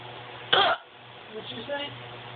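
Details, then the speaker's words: Person with hiccups lasting about 5–10 minutes: a single short, sharp throat sound like a hiccup or brief throat clearing over steady background hum. "i have this hiccup i already have them for a good 10 minutes"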